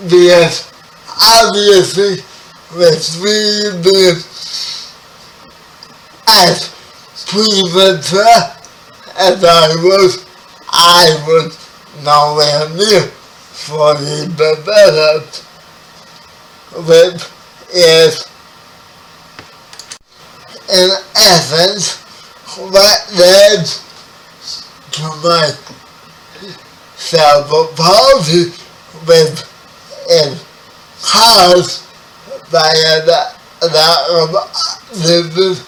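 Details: Spastic dysarthria in a 30-year-old man with spastic quadriplegic cerebral palsy, who was born 11 weeks premature.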